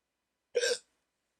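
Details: Single short, sharp voiced hiccup in a quiet room, part of a 14-minute hiccup attack after waking from sleep with a CPAP mask used for sleep apnea treatment; hiccup attacks are described as rare for this person.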